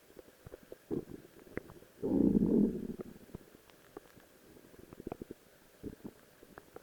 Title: My Stomach Growling while in a Rose Cosplay Outfit